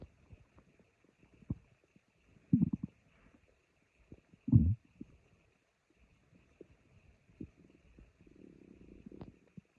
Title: My stomach growling